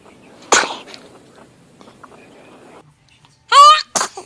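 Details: Baby sneezing: two sharp, explosive bursts, the second with a brief high voiced squeak; ordinary infant sneezes.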